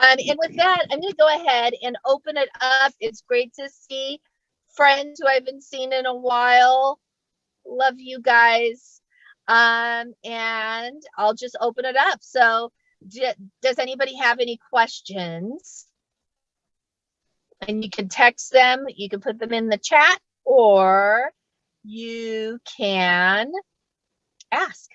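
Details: Adult female comedian who stutters and says she does not fake it, speaking live during a comedy set; stuttering.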